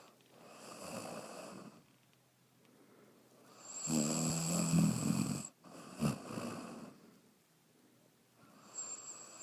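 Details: Sleeping dog snoring: loud, rattling snoring breaths in and out, one with a short snort, about four breaths in nine seconds.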